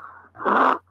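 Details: Teaching example of stridor, a sign of upper airway narrowing such as a foreign body obstructing the larynx: a single harsh, high-pitched noisy breath.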